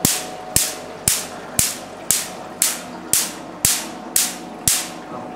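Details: Q-switched Nd:YAG laser pulses during tattoo removal: sharp, regular snapping cracks, about two per second, ten in all.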